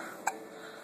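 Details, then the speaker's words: Newborn baby boy with hiccups before a feed: a single short, sharp catch of breath in a quiet room. "What, buddy? You don't like having the hiccups, do you? No, you don't."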